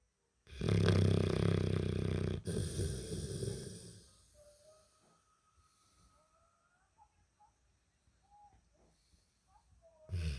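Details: Snoring: one loud, rough, rumbling snore lasting about three seconds, then quiet breathing with faint small sounds.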